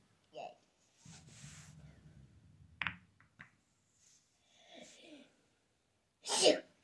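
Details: Person sneezing: soft voices and rustling, then one sharp, loud burst at the end that fits a single sneeze.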